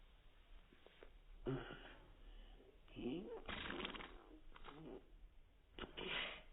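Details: Child sneezing: quick breath followed by sharp, explosive bursts of air, faint room noise behind.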